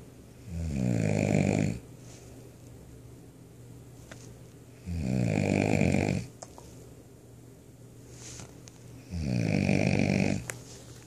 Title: Snoring like a chainsaw #1